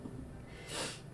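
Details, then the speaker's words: Adult streamer with sciatica, for whom sneezing and coughing are painful, gives a sneeze; sneeze. "Oh, what a sneeze. Oh, sneezing and coughing right now hurts so bad because of my sciatica, which is a weird thing, but that's what it is."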